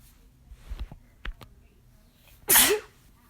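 A few quiet breaths and clicks lead into a single loud, explosive sneeze, then quiet.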